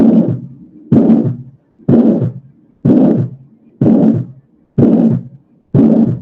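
Regular heartbeat about 62 a minute, each beat followed by a harsh, rough whooshing murmur in systole; an aortic ejection systolic murmur typical of aortic stenosis.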